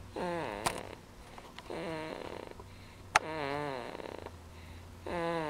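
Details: Snoring recorded 3/17/09: four rising, whistly, voiced breath sounds about every one and a half to two seconds; tonal snoring.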